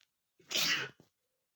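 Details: A short intake then one sharp, explosive sneeze and brief after-sound from an adult male, reportedly triggered with a piece of paper; sneezing.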